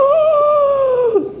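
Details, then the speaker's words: Adult imitating the whoop of whooping cough (pertussis), which follows a dry, persistent, repeated cough: a long, high, crowing intake of breath like a rooster. "ثم شهيق قوي له صوت مثل صوت الديك هنشبه هذا الصوت دلوقتي ههه"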